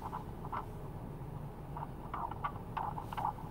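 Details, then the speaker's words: Recorded fetal heartbeat of a baby girl played from a small device: fast, muffled whooshing pulses, quicker than an adult's. "It's the baby's heartbeat."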